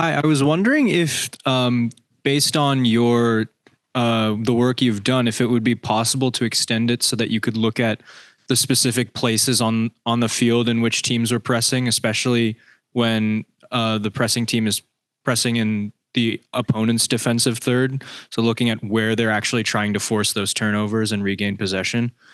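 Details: Adult; normal speech.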